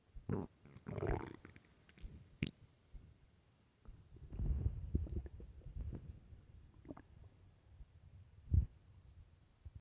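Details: Hungry stomach growling: quiet deep rumbling and gurgling growls in bursts; hunger-related borborygmi.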